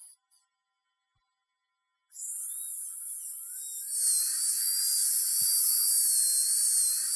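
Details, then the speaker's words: High-pitched whine of a dental drill spinning up after a silent pause, steady and shrill, as a fluted bur finishes Lumineers veneer margins and removes excess bonding agent on the lingual side of a young woman's teeth. "and I take a 12-lead burr here I like to use a fluted burrs"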